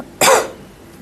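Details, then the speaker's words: A single sharp, explosive cough from an adult who is on medication for the cough, fading quickly in a quiet indoor room. "Excuse me for my cough. I'm on medication, but it's going to take a few days."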